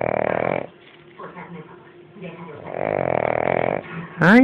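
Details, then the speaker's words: Small pet dog snoring while asleep and comfortable, loud enough to keep the household awake: two long rattling snores with quieter breathing between, ordinary sleep snoring. "chiquinino que está roncando como un oso toda la noche y nadie podrá dormir en toda la casa"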